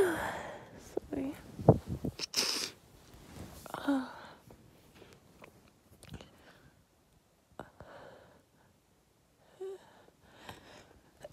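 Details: Uncovered sneezes after dusting and moving furniture: several bursts of sneezing with sniffing and breathy sounds between, then quieter snuffles.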